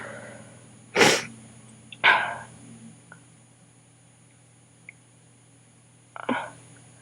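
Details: Sneezing attack in a person whose nose and throat hurt badly: three explosive sneezes, each preceded by a brief indrawn breath, over steady room hum.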